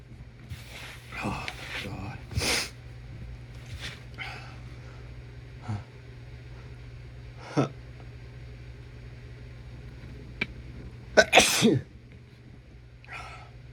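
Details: Several noisy sneezes and sniffs with gasping breaths between, from a man with a tickly cold and a throat sore from sneezing; steady hum in the background.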